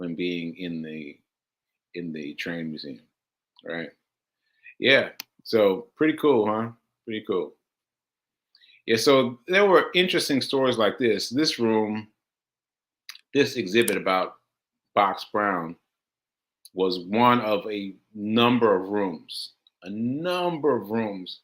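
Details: Man with aphasia, a language disorder affecting communication, about six months into recovery since July; aphasia.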